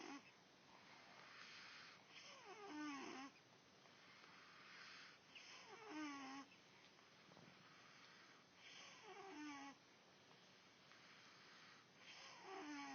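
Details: Repeated rough breathing noises about every 3 seconds, roughly 19 a minute, with a squeaky whistling edge on each breath: snoring.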